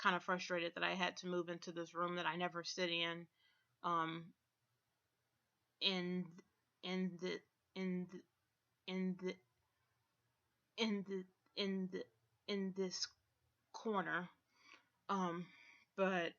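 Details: Adult woman diagnosed late last year with autism spectrum disorder, with tics and stuttering with blocks, especially on the phone at work; repetitions audible; stuttering.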